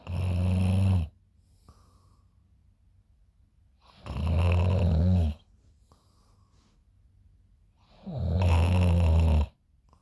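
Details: Person recorded snoring in the morning by a friend: loud, deep, rattling inspiratory snores about 14 per minute with quiet pauses between; ordinary sleep snoring.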